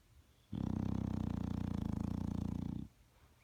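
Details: One long, loud, low vibrating snore lasting over two seconds from a sleeping bulldog.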